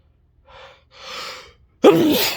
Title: induced sneezes